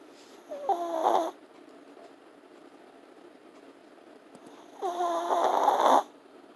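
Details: Long-haired Teacup Chihuahua sleeping; two loud, rattling, whistling snores about four seconds apart, ordinary dog snoring.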